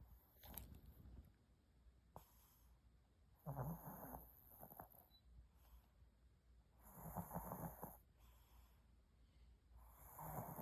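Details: Snoring from a sleeping dog.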